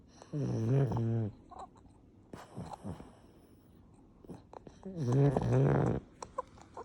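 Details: A female pug, a flat-faced dog, makes two long rattling throaty breaths a few seconds apart with quiet between; loud snoring.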